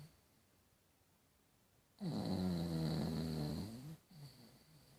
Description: My doggy snoring